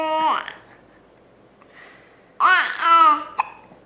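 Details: An infant squeals, giggles and babbles, with a few brief, sharp hiccup sounds between the vocal sounds.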